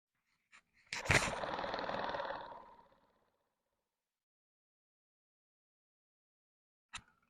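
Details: Aerobika oscillating positive expiratory pressure (OPEP) device used for bronchiectasis airway clearance, sitting upright after inhalation and a brief breath hold: sharp onset, then a fluttering, buzzy exhalation of about two seconds fading away.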